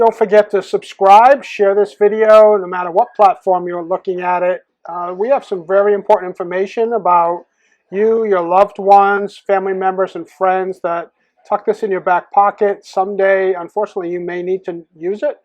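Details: Adult male speaker; typical speech.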